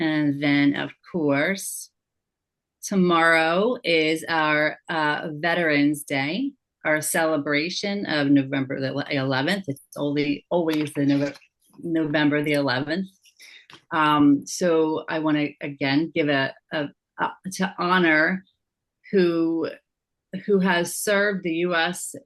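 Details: Aphasia with word-finding difficulty and paraphasias in a woman living with aphasia after a stroke or injury.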